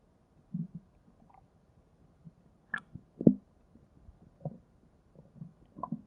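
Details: Quiet room with scattered low gurgles and brief squelching rumbles at irregular intervals: ordinary stomach growling (borborygmi).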